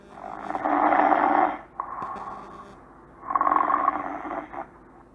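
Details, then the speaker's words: Recorded sample snoring sound played to illustrate a snore: two long, rough, rattling breath noises with a quieter pause between them; snoring. "Yes, so that's the sound of a snore. So now you can identify what is the meaning of snore, I guess."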